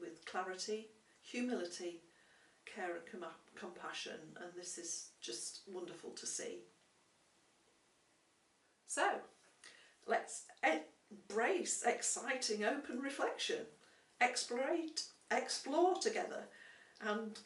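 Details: Stammering in an adult woman who has had speech and language therapy.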